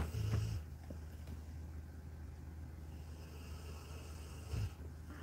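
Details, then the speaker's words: Two low, rumbling snores about four seconds apart, with quiet room noise between them, from a dog in deep sleep. "let me see if i can show you good dog snoring he is out out like a light"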